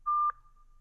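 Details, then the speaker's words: Single short, clear electronic beep as a ZOLL Zenix hospital defibrillator/monitor is switched on for its power-on self-test during daily readiness checks. Defibrillator power-on self-test beep. "Allumez et vérifiez que les bips sonores retentissent,"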